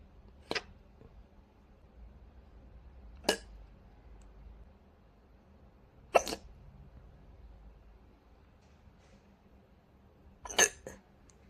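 About four brief, abrupt gulping clicks roughly every three seconds over quiet room noise: hiccups.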